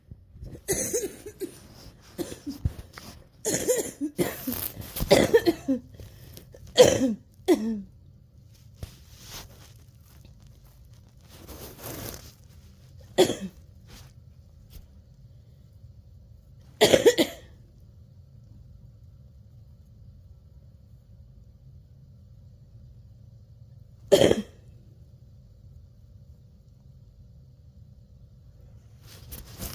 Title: wheezing turns into coughing fit